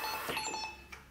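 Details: A short series of high electronic alarm tones from a MEDUMAT Easy CPR emergency ventilator: the supply-pressure-low alarm, triggered by closing the oxygen bottle during a function check.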